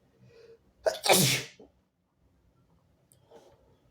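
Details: Sneeze from a sick nonbinary person (he/they): a quick indrawn breath, then one loud, forceful, rasping sneeze, then quiet. The recording also has very harsh sneezes and some harsh coughing.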